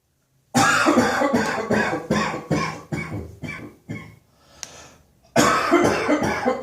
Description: A little New Year's Eve surprise for my lovely friend Koldfairy and all the other fans of chesty cough!